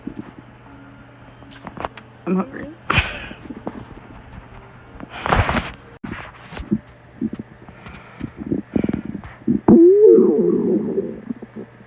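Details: A hungry girl's stomach growling: irregular gurgling rumbles and squeaky, rising gut noises (borborygmi).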